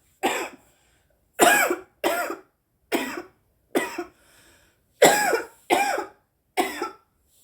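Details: Woman coughing after smoking cannabis: eight dry, harsh coughs in separate bursts with short pauses between them.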